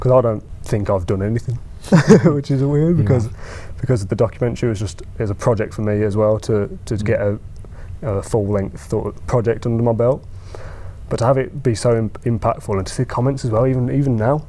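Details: Adult man who stammers: stammering (stuttering).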